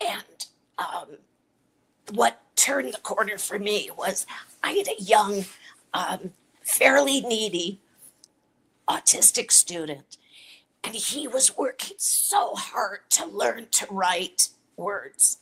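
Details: Adult woman with chronic dysphonia, a voice disorder; real patient speaking; dysphonia.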